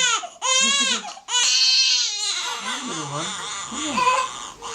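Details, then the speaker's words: Vigorous infant crying from a nearly four-week-old boy, unsettled straight after bottle feeds, recorded at a chiropractic visit: loud, high-pitched strained wails with brief catches of breath between them. "he's on settled for about an hour and a half after a bottle so he's unsettled pretty much straight after eating"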